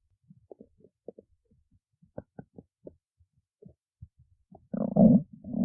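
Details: Stomach growling (borborygmi): scattered soft gurgles and pops, then a louder sustained rumbling gurgle near the end.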